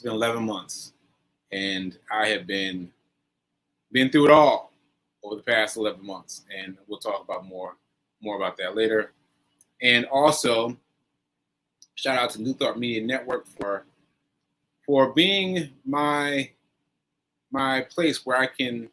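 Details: Aphasia in a man recovering from a stroke on 7/14/22, recorded 7/4/23; he says his aphasia makes things harder for him.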